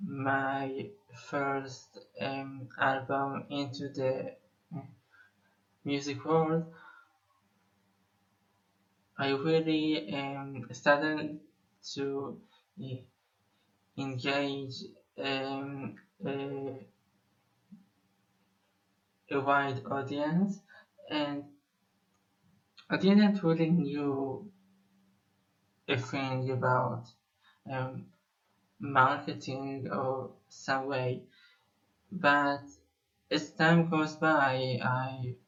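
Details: Male Israeli musician who says he has stuttered for almost 21 years; stuttering.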